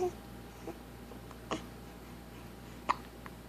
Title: I hate hiccups! | 7 Weeks